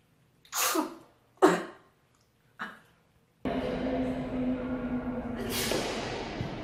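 Three quick sneezes in a row, each one short and forceful, followed by loud steady rushing noise, like running water or a fan.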